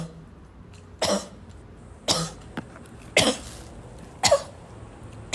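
Four separate short coughs about a second apart, sharp and somewhat harsh, with quiet room noise between them.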